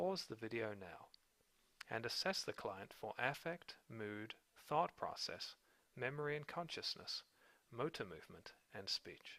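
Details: Adult male speaker; ordinary speech.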